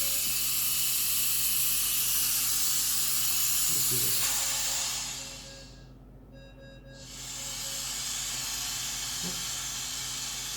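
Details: Fabian device running as variable flow CPAP while being set: steady loud hiss of gas flow that briefly drops away and then returns; CPAP gas flow.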